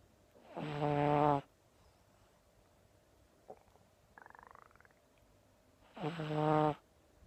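Two loud, rattling snores a few seconds apart during sleep, with quiet breathing between; snoring in a flat-faced puppy.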